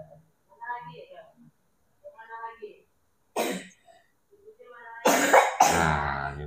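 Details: Child with a persistent cough and cold that has not been getting better: a few short coughs and throat clearing near the end, with the child's voice and background music.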